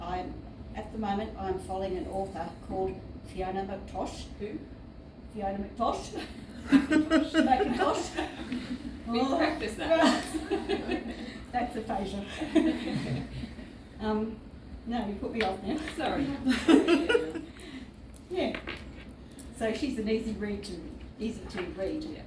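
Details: Woman with aphasia since 2005, acquired at age 43 after severe seizures and central nervous system vasculitis; initially global aphasia; she reports speech worsens when tired or stressed; aphasia.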